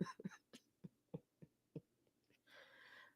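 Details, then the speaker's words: Adult woman after a week of feeling sick: a muffled run of about eight short, deep coughs, then a drawn breath in; cough. "I was like, do I come on? And I'm probably gonna be coughing."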